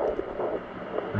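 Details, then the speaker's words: Wife at 17 weeks pregnant, home pocket Doppler pressed hard, signal intermittently lost and counter thought inaccurate, faint rapid whooshing pulses about 140 per minute: fetal heartbeat. "it loses it I don't know this counter isn't very accurate but we can hear it there's a baby"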